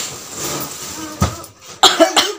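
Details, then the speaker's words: Adult woman with a cold, hoarse voice, taking cough-and-cold medicine: a few sharp, dry coughs over low room noise. "मुझे cold हो गया है तो मेरी आवाज जो है गला बैठ गया"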